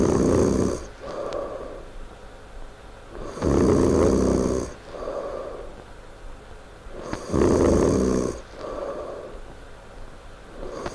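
Loud, rattling snores on each breath in, about 16 breaths a minute, with quieter breaths out between them.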